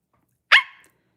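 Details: Young woman with Tourette syndrome during a late-night livestream, talking to viewers: a single sudden, sharp, bark-like vocal burst lasting a fraction of a second; a vocal tic.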